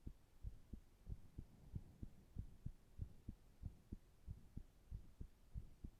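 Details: Resting heart sounds: steady, regular lub-dub heartbeat at about 95 beats a minute with no added sounds, normal.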